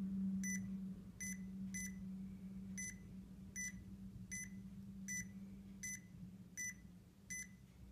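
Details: DB Power automatic upper-arm blood pressure cuff worn on the lower arm for the demonstration, so the reading may be poor: steady hum of the cuff pump inflating with regular high beeps while it measures blood pressure and pulse.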